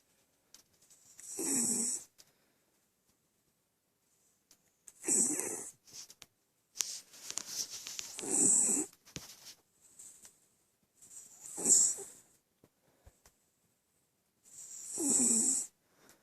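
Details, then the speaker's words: Snoring in a sleeping female West Highland White Terrier: soft, hissy snoring breaths about every three to four seconds, roughly 18 a minute, with quiet gaps between. "A snoring Westie."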